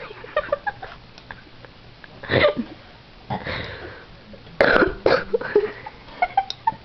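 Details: Woman with persistent hiccups and burping at the same time that will not go away, said to be unable to breathe: repeated abrupt throaty gulps and belch-like bursts with background laughter.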